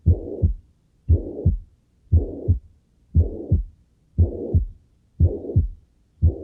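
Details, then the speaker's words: Regular heartbeat near 58 per minute, each first sound followed by a harsh blowing murmur filling systole up to the second sound: a holosystolic murmur of mitral regurgitation, from a teaching recording. "Más bien holosistólico, ¿no? Sigue siendo un soplo holosistólico."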